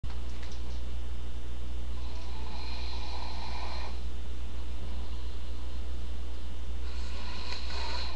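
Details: A sleeping adult snores, with two slow, rough, airy breaths over a steady low room hum.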